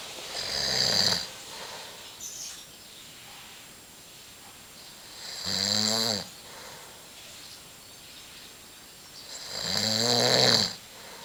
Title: Dad snoring